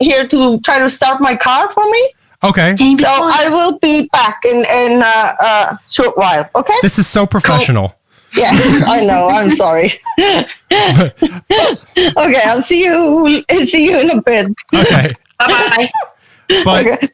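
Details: Man with Tourette syndrome whose vocal tics include palilalia and echolalia (repeating words or syllables) and squeaking, with palilalia increasing over the past couple of years; palilalia (word repetitions) heard.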